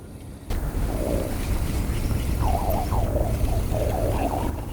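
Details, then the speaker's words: Stomach growling (borborygmi) from an adult angler fishing outdoors in July while hungry: rippling, squeaky gurgles over a low outdoor rumble, picked up by the microphone. "めっちゃお腹鳴ってるでしょ。聞こえました今のもそんなこれ拾うんだ。"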